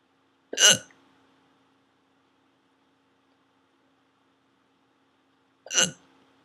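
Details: Two sharp, abrupt hiccup sounds about five seconds apart in a quiet room with a faint steady hum; the hiccups had not stopped when recording ended: ongoing hiccups.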